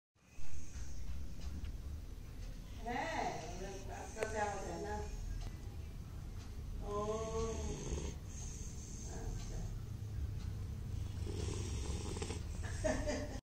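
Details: Beagle puppy in deep sleep, soft irregular snoring with a few squeaky, whistling snores over low room rumble; snoring.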